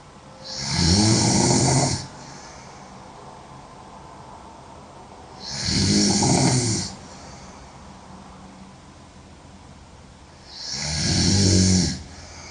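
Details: Girl sleeping: three loud, long, rough snores about five seconds apart with steady hiss between; heavy sleep snoring.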